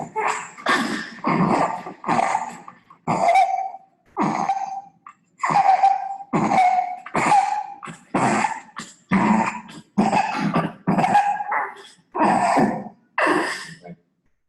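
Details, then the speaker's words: Children presenting to clinic or emergency with viral laryngitis (croup): about a dozen harsh, hoarse, barking, seal-like laryngeal coughs with inspiratory stridor on noisy in-breaths; typical croup cough. "As crianças chegam em consultório ou em pronto atendimento ou em emergência com essa tosse característica, laríngea, rouca e com estridor inspiratório."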